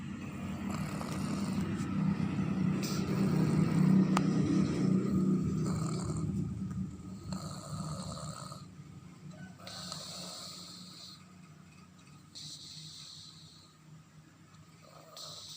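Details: Sleeping baby snoring: low rumbling snore-like breathing that fades, followed by softer rhythmic breaths with faint background noise.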